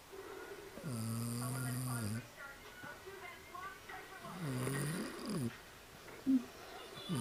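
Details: Person snoring during sleep.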